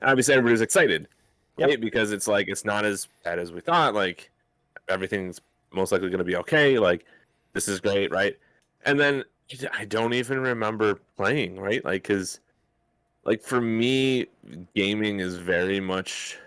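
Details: Adult man speaking; normal speech.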